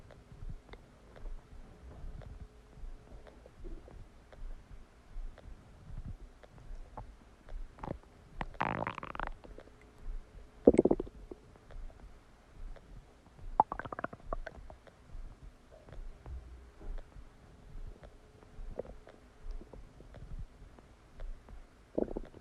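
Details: Stomach after eating a cheeseburger: frequent gurgles, squelches and bubbling pops with a few longer rumbling bursts; active digestive bowel sounds, borborygmi.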